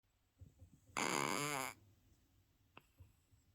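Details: A cat snoring: one buzzing, rattling breath lasting under a second amid quiet breathing in a still room.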